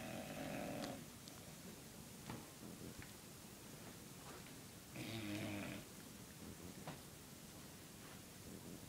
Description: My fat lazy dog in a deep sleep....